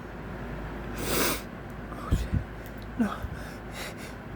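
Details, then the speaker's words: Muffled, partly stifled sneeze while trying to stay quiet after the nose became very tickly, followed by sniffs and snorting breaths over a steady engine-like hum; sneeze. "Oh my god, it's so tickly. Help me. Help me. Don't stick it. It's not. Still gotta sneeze. Still so sneezy."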